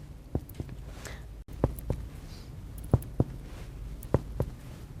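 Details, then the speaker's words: Chest percussion on a live adult male subject during an anaesthesia exam (FRCA OSCE) physical examination demonstration: pairs of short hollow taps, about eight strikes, with a resonant note throughout, a normal finding over air-filled lung. "percussion seems resonant throughout"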